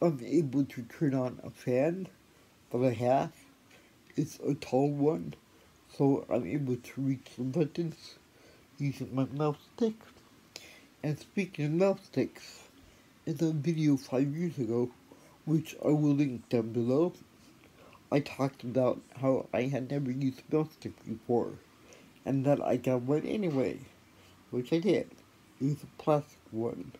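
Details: Adult woman with cerebral palsy and a later spinal cord injury; her Amazon Echo sometimes fails to understand her speech; no speech disorder named; possible dysarthria (cerebral palsy).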